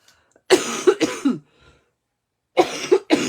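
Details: Adult woman with a heavy cough since Saturday evening that she suspects is bronchitis: two bursts of harsh, somewhat wet, productive-sounding coughs, several in quick succession each time.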